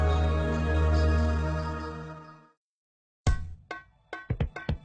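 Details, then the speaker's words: Fetal heartbeat in an educational pregnancy narration around the end of the first trimester (about three months): after soft music and a pause, rapid whooshing thumps much faster than the mother's heartbeat. "closely and you can hear your baby's heartbeat which is very fast compared to yours"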